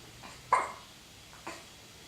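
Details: Female dog hiccups and turns her head: two brief, abrupt hiccup sounds about one second apart in a quiet room.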